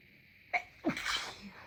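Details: Sharp intake breath then one wet, explosive, congested nasal sneeze; sneezing.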